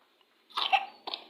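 A young child gives a short cough burst and then a second, briefer one. This is an ordinary cough during a cold.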